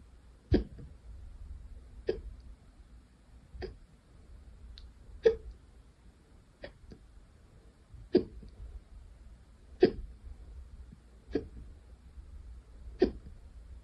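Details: Hiccups recorded the second time they occurred that day: sharp, short hiccups recurring about every 1.5 seconds, roughly nine in fourteen seconds, in a quiet room.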